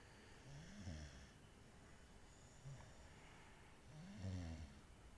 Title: she is snoring 😂